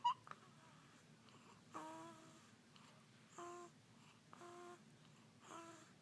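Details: Repeated soft, tonal, whistling breath sounds about once a second in a quiet room; whistling snoring during sleep.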